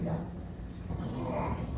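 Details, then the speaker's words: Child with acute laryngitis (croup): harsh, rasping, croaking noise on breathing in, from upper airway narrowing or blockage: inspiratory stridor. "이거는 이제 숨을 들이쉴 때 이런 이제 꺽꺽거리는 소리가 들리고요. 상부기관이 막혔을 때 이런 소리가 들립니다."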